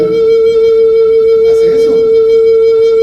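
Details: Male singer after vocal fold surgery, now producing the falsetto he previously lacked: restored falsetto after vocal fold surgery.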